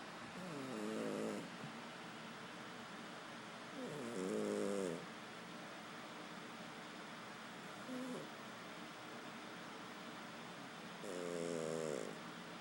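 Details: Peanut snoring: four rattling snoring breaths, about one every three to four seconds, against background hiss.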